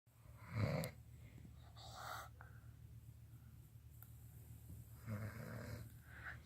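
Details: Young child imitating an adult's snoring: two low rumbling snore-like breaths a few seconds apart over quiet room noise; imitated snoring.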